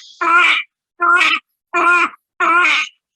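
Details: Inspiratory stridor (laryngomalacia).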